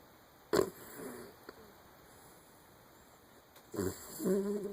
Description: Lucy is our 10 year old mini-doxie and she snores!